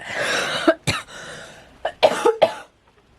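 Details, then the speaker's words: A run of short, sharp, dry coughs without wet rattling from an adult woman with COVID-19, who describes the cough as very dry with an icy burning feeling in her chest. "So they say that it's a very dry cough, and I can say that honestly, sometimes it feels really dry."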